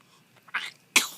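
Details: Sneeze.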